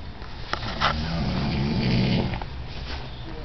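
A low, rattling snore during sleep, fluttering on the breath, with faint room noise behind it.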